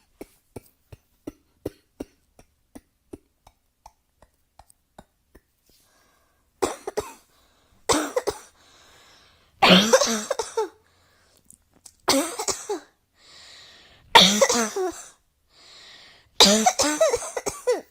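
Faint rhythmic clicks, then six harsh, loud coughing bursts with brief pauses between them, indoors.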